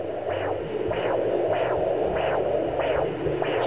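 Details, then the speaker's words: Fetal heartbeat at 9 weeks 4 days of pregnancy on a home Doppler: rhythmic whooshing pulses over steady Doppler hiss, described as nice and strong. "found it. I actually found it. Found our little baby's heartbeat."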